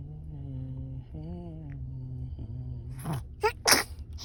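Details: A baby's cute sneeze: soft babbling, then a quick inhale and a sharp sneeze burst with a smaller follow-up; an ordinary sneeze.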